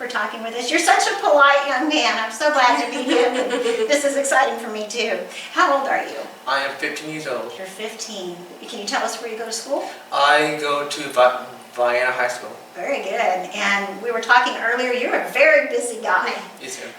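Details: Adult woman interviewing a teenage boy; normal speech.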